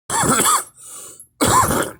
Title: me coughing